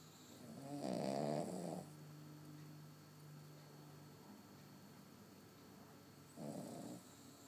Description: Our little house guest Abby, snoring her little heart out. She can out snore the entire house, which includes a Rottweiler and my husband, so that's saying something!